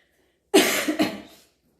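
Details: Burp: a single loud, drawn-out belch of about a second with a brief second push.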